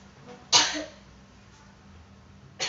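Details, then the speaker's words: Simulated effective (huff) cough nursing procedure: adult woman, hand on abdomen, three deep breaths then a forceful cough burst with a second beginning, to clear airway secretions; sputum then comes out. "Ketiga kalinya bisa Ibu hentakkan sekuat tenaga ya Bu ya, bantukan ya."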